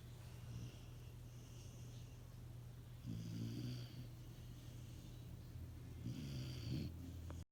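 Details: Mini Goldendoodle dog snoring in bed: soft, low rumbling breaths under a steady hum, with a few louder snoring breaths.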